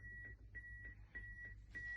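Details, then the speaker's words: Trainer AED demonstration: after a shockable rhythm was detected and the shock delivered, the device voices "Begin CPR" and gives repeated high, steady prompt beeps while CPR continues for 2 minutes before reanalysis. These are simulated AED prompt tones. "So please stand back, I'm going to shock. Shock now. And I press that shock button and it's been delivered. Begin CPR."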